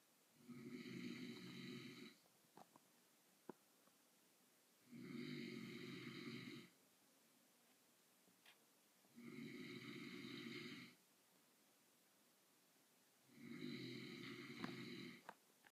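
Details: Adult man sleeping after a long day at work: four loud, buzzing inspiratory snores about every four seconds, roughly 14 breaths a minute, with quiet pauses; steady snoring.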